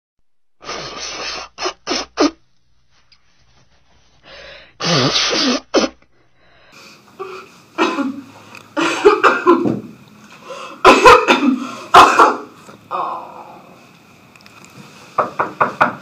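Repeated harsh coughing bursts in clusters, some rough and throaty, acted to imitate a chest-congestion cough from bronchitis.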